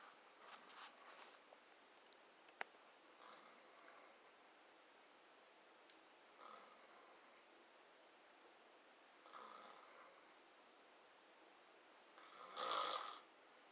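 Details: Adult woman snoring during sleep: regular hissing, whistling snores about every three seconds, the last loudest.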